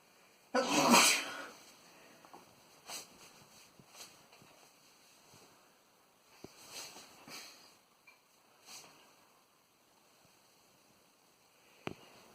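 One loud, sharp sneeze, then quieter sniffs and rustling in a small room.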